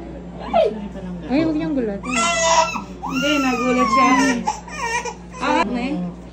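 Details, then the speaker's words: Infant crying right after a PCV20 injection, which followed a rotavirus vaccine: loud, high-pitched wailing cries in bursts with gasping breaths between them, adult voice nearby; the baby calmed quickly. "Ang lakas ng iyak pero kalmado na agad bago kami lumabas. Masakit."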